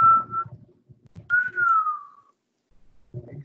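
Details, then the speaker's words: Simulated wheeze made by pushing air through a constricted mouth in an EMT class, illustrating asthmatic wheezing: two thin whistling tones with faint room noise. "Exactly. All right? That's a wheeze."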